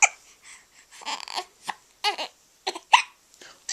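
Repeated short, abrupt catching sounds at irregular intervals, in keeping with hiccups.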